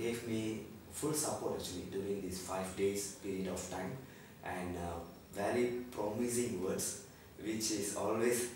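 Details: Normal male-pitch voice in an adult man after 5 days of voice therapy for puberphonia.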